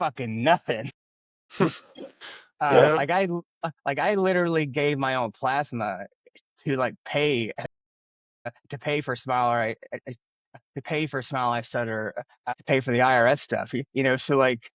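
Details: Adult man who has stuttered since childhood, stuttering.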